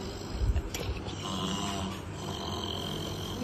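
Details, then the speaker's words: Recording played back on a phone of two women (a mother and another woman) snoring in competition overnight during a trip; low rumbling, rattling breaths over background noise: snoring. "Moumita দিদি মা আর নাক ডাকা record করেছে একবার একবার একটু চালাও"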